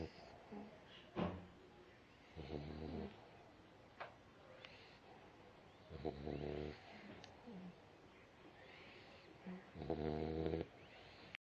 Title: My pups snoring